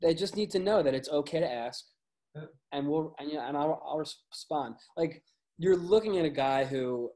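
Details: Adult man with a stutter he has had his entire life, audible in his speech; stuttering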